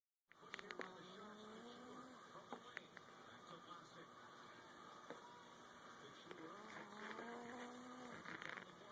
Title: My cat snoring